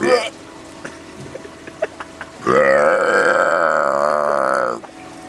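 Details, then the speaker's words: Person deliberately burping aloud while walking past shoppers in a store as a prank: a long, loud, voiced belch of about two seconds after quiet room noise with faint clicks; burping. "it actually really surprised me how many people just wouldn't react they didn't even move when I walked by and burped yeah"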